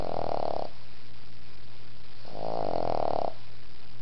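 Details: Sleeping between his grandfather's legs: loud buzzing snores on each breath with quiet pauses between, over a constant hum; ordinary snoring.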